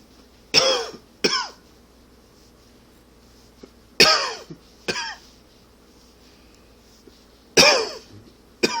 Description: Allergy / smoking cough. Please comment, like, share and enjoy!